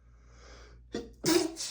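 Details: Single sharp, explosive sneeze after a quiet breathy intake, from a reader (marked M) who is allergic to dust, while reading a dusty book aloud in a small room.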